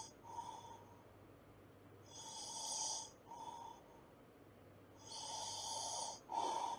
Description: Snoring sounds noise.